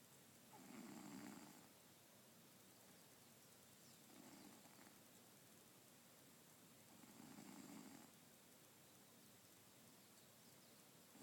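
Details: Cat snoring, very faint without near-maximum volume: soft, low rumbling snores about every three seconds against steady background hiss.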